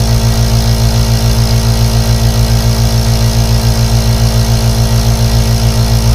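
Steady low mechanical hum with rapid regular pulsing, a compressor nebulizer running continuously.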